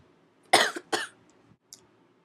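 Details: Person who is a little sick, two short, harsh coughs in a quiet room with a faint breath afterward; cough.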